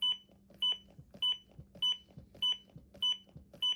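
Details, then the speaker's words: ZOLL AED Pro CPR metronome during compressions: steady high beeps, about 100–105 a minute, pacing chest compressions at 2–2.4 inch depth, with voice prompts "Start CPR", "Push harder", over a 2-minute cycle. "And then you'll also hear a metronome that comes on. If you can stay on beat with the metronome, you'll average 105 compressions per minute. So every time you hear a beep, you should do a compression."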